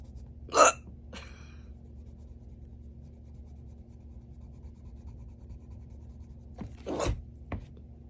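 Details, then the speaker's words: Adult with a strong bout of hiccups at work, feeling very thirsty: two sharp, abrupt hiccups several seconds apart over low room hum; hiccups come and go at varying frequency. "heck s they come and go go like the frequency is interesting"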